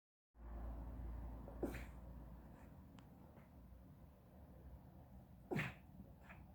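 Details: Sleeping dog sneezing: two short, sharp sneezes several seconds apart over quiet room noise.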